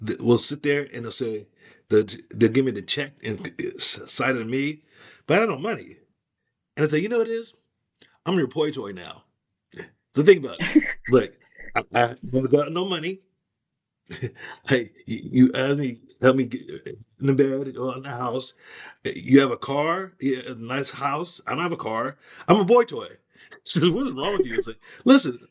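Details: Aphasia after a stroke in an adult woman; speech shows word-finding pauses, restarts and repetitions.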